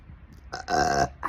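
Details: Belching after eating too fast and swallowing a lot of air, in a person who is already gassy: a brief, softer burp, then a single loud, voiced belch lasting about half a second.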